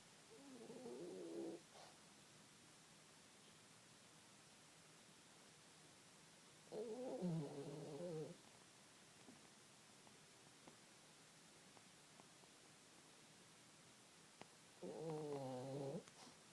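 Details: Pug snoring asleep in a comfortable blanket: slow, rattling snore bursts with quiet pauses between breaths.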